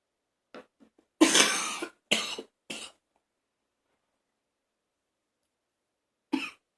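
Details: An adult in a bathroom, feeling like throwing up: a few harsh, rough coughs with a retching, gagging quality, then a final short cough after a pause.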